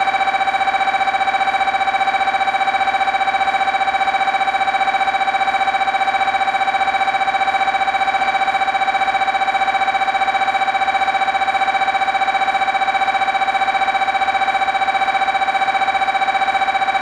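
Loud, steady, fast electronic tone pulsing about 150 times a minute, the typical working sound of an MRI scanner.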